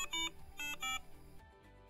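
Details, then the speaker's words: Three short electronic tone bursts from an O2matic automatic oxygen titration device, alarming to alert staff when the patient's pulse-oximetry oxygen saturation falls below the set target range. "if the patient's saturation is below the target range the automatic will alarm to alert staff"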